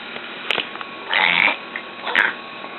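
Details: A pet coughs in three raspy, hacking bursts within about three seconds, the middle one longest, over faint room hiss. The owner says it coughed like this for 5 minutes. Repeated cough recorded for a vet.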